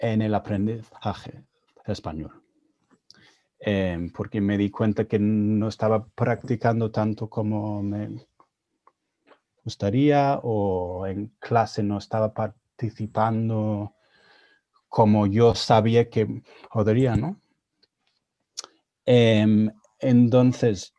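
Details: Adult man with stuttering, speaking Spanish, a second language he learned after moving to Spain at age 22; he reports his stuttering was more severe in Spanish.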